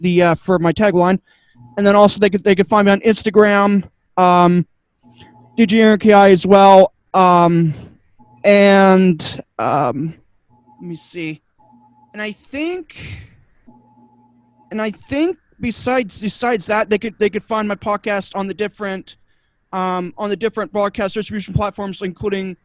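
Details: Adult male guest on a cerebral palsy community podcast, with two diagnoses including autism, who stutters a lot, especially when unsure what to say; he attributes it to his other diagnosis. Finding: stuttering.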